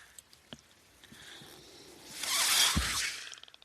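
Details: Speaker's own mechanical ventilator during a spoken podcast in a quiet room: a soft rising and falling airy whoosh with small mechanical clicks as a breath is delivered.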